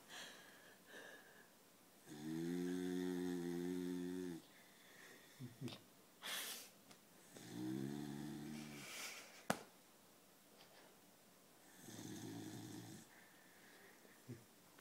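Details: Dog snoring and twitching in sleep: three drawn-out, buzzing, humming snores on the breath in, separated by quiet breathing and small snuffles; ordinary snoring.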